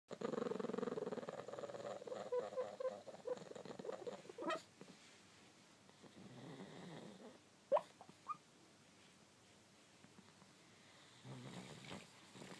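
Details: Black pug asleep, snoring with rough snorting breaths broken by brief squeaky twitching noises while its body jerks, apparently dreaming; snoring with twitching vocalizations in sleep.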